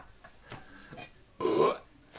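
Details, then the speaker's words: Deliberate burping among people: soft sounds, then a single short, loud, voiced belch. "oh it's still burping it's not at me oops nice oh got stuck in there oh"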